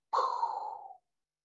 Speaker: so now you're going to tune in with a stethoscope to listen with the diaphragm piece preferably at the left sternal border to a diastolic blowing decrescendo murmur